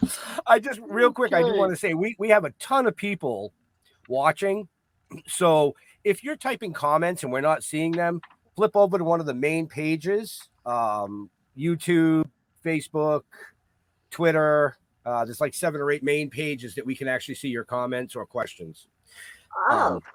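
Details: Adult speaker; typical speech.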